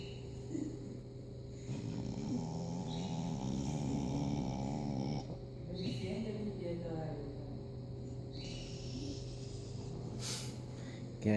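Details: Dog sleeping: long, drawn-out rumbling breaths with a fluttering buzz over faint background music; snoring.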